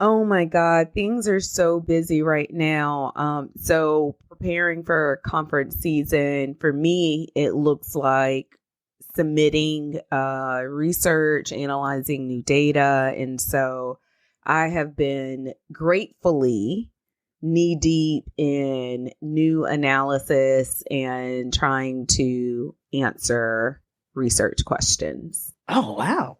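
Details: Adult woman speaking; Normal fluent speech.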